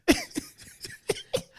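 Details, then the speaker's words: Adult with seasonal pollen allergy and a puffy, leaking eye gives a quick run of about five short, light, dry coughs. Allergy-related cough. "I'm still going to be coughing. I got pollen in my nose."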